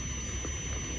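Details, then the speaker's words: Simulation of severe tinnitus during a crisis day, heard all day from morning to evening: loud steady high-pitched tone over a dense rushing hiss and low rumble. "voilà il y a des jours où je me lève et j'ai ça dans les oreilles toute la journée du matin le soir"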